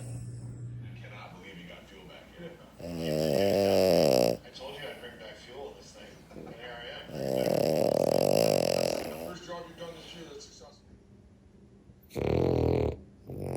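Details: French bulldog snoring, common in the breed due to its anatomy and sleeping position: loud, rattling snores with a coarse throaty flutter, three long inward snores with quiet breathing between.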